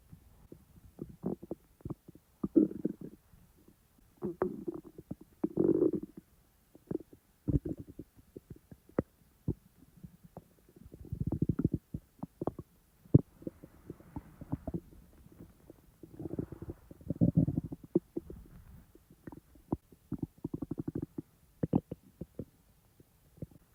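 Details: Real stomach sounds from the owner's own belly, not recorded in real time: low gurgling rumbles and brief clicks; bowel sounds (borborygmi).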